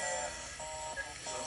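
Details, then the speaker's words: Cataract surgery by phacoemulsification. A steady high-pitched tone rises and holds from the phaco machine, signalling vacuum occlusion and good holding power; wait for high vacuum before chopping. Phaco vacuum occlusion tone. "That sound is the occlusion of the vacuum. So when you want to wait till the vacuum level is high before you start chopping."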